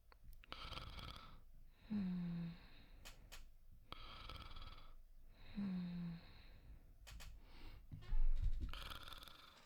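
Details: Simulated, voice-acted soft snoring in a sleep roleplay: slow rhythmic breaths with a low rattling snore on each inhale, in a quiet room; acted snoring.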